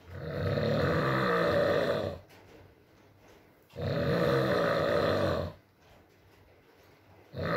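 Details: Male snoring in an ASMR sleep recording: long, loud rumbling snores on each breath in, about 17 a minute, with quiet gaps between.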